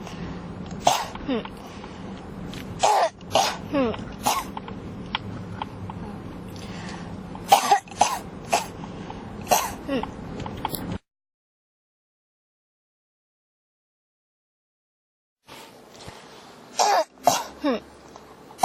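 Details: Coughing that won't stop (ASMR-tagged recording): short dry coughs and throat clearing in bursts, a silent break, then more coughing; persistent cough.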